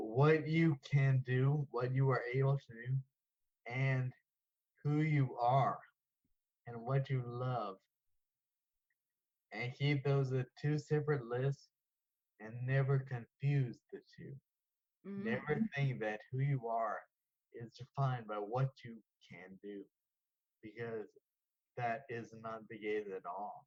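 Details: 34-year-old man diagnosed with Friedreich's ataxia at age 11; ataxic dysarthria.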